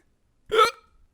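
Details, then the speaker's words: An adult with hiccups during a podcast: a single short, sharp voiced gulp with sudden onset and quick cutoff, in an otherwise quiet room. "howdy Gamers do you have hiccups how is everyone is that again sorry I got that I got the hiccups it is what it is"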